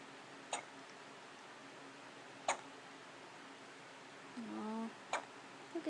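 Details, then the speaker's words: Baby with repeated hiccups: three brief, sharp hiccups about 2.5 seconds apart, with a short baby vocal sound between them; hiccups. "has hiccups again. Oh, Mommy's so sorry."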